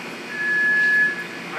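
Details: Demonstration of an automated external defibrillator: a single steady electronic beep of about 0.7 seconds amid its spoken pad-placement setup prompts; defibrillator prompt beep.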